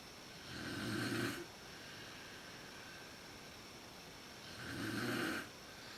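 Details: Mother snoring in the dark at the start of sleep, when her snoring is said to be worst, recorded on a PowerShot SX130IS camera: two rough, rattling snores, about one every four seconds.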